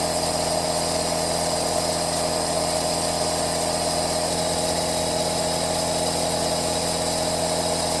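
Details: Steady, unbroken mechanical hum with a constant airy hiss from a running compressor aerosol nebulizer, used as white noise.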